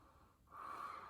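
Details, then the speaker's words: A quiet pause, then one deep inhaled breath with steady airflow: normal breathing heard on auscultation during a student's physical assessment; lungs clear, no wheezing or adventitious sounds. "hear that his lungs are clear he has no wheezing or adventitious lung sounds"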